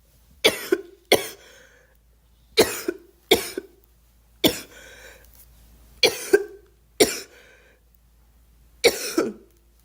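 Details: Girl coughing: eight sharp, separate coughs, some doubled, spaced over about ten seconds in a quiet room; a child's cough.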